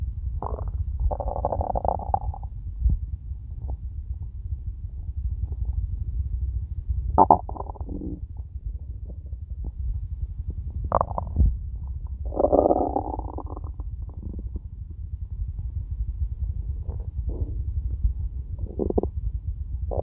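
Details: Empty stomach, nothing eaten yet that day: low rumbling and gurgling bursts over a steady low hum; hunger stomach growling, borborygmi.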